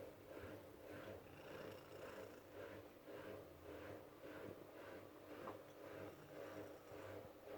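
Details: Female shelter cat resting, purring and snoring at the same time; purring with snoring.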